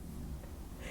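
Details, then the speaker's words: Brief low rumbling stomach growl before breakfast, famished; ordinary hunger borborygmi. "you hear that I was my stomach growling"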